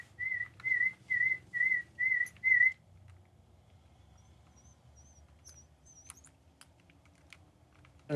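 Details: Pure-tone audiometry test tones presented right ear then left ear, to a woman with partial hearing loss from otosclerosis who presses a button on hearing each tone.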